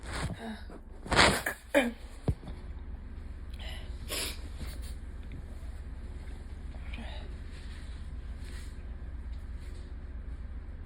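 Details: Adult with ongoing allergies, day after a bad allergy day: several sharp sneezes in quick succession, then a faint later one, over low room hum; allergic sneezing.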